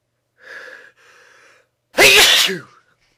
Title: Loud sneezes